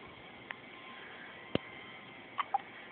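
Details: Faint, brief, sharp clicks against a quiet hiss from a 2-day-old newborn; hiccups.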